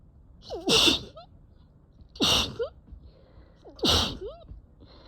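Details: Allergic sneezing after exposure to cats, with a very sore throat and eyes barely able to open: three forceful sneezes in quick succession, each preceded by a sharp intake of breath after a tickling nose.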